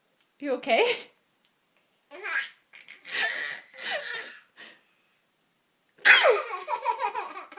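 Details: A child who finds sneezing hilarious: several short, high, squeaky bursts in a row with laughter mixed in; a run of small sneezes.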